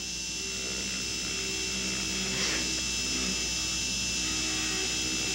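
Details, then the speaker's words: Slow-speed handpiece with 33.5 inverted cone bur placing peripheral retention at the base of the axial wall, Class I buccal pit gold foil preparation on the lower right first molar (tooth 30): steady low whirring with faint tone. "The 33.5 now for the placement of retention. And here the retention is going to be placed peripherally, again with the inverted cone down at the base of the axial wall."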